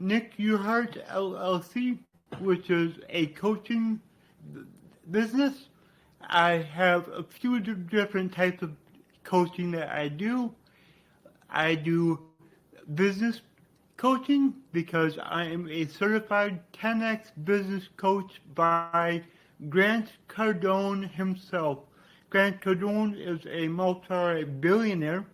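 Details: Adult man with cerebral palsy, which he attributes to brain damage after being born without heartbeat or breathing and being revived; he describes a resulting speech impediment; dysarthria (cerebral palsy).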